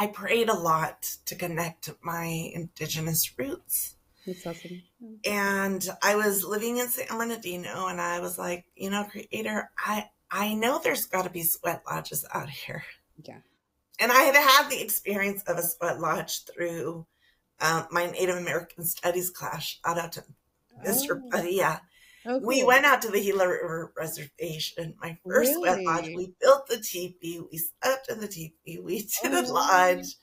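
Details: Adult female teacher with spasmodic dysphonia, which began with stress in her first year of teaching and took two years to diagnose; no cure, treated with Botox injections every few months, recorded at the end of her three-month Botox cycle; spasmodic dysphonia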